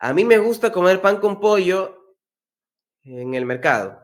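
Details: Man who stutters demonstrating the preparatory set technique in Spanish, saying an anticipated-block word softly, at low volume and slightly stretched; stuttering fluency technique (preparatory set).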